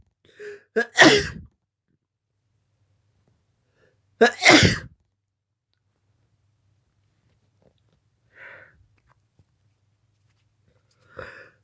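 Two loud, sharp sneezes, each after a quick inhale, then quiet with faint breathy sounds.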